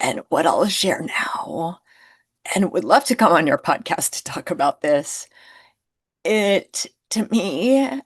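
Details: Woman who identifies with the spasmodic dysphonia community and reports difficulty being understood on phone calls; spasmodic dysphonia.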